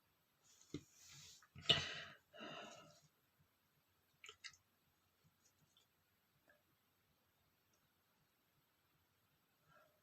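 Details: A loud adult male sneeze: quick gasping intakes building to one sharp explosive burst, then a couple of brief sniffs in a quiet room.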